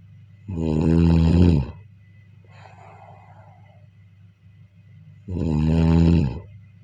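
Deep, rumbling snores on each breath in, with a soft breathy exhale between them, about one snore every five seconds.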